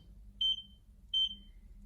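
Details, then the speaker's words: Pulse beeps from a vintage Boso-tron semi-electronic blood pressure and pulse meter, cuff set to 140 and pumping: two short high beeps about 0.7 seconds apart, in time with the heartbeat; pulse read about 80. "And I'm going to hit start. And it's pumping. And we can observe what's going on. You can hear the pulse."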